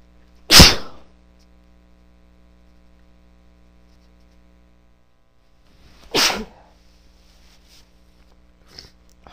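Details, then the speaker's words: Woman with an irritated nose sneezing: two sharp, explosive sneezes several seconds apart in a quiet room, with a faint sniff afterward. "I guess my nose is really irritated. Bless me. It feels so good though."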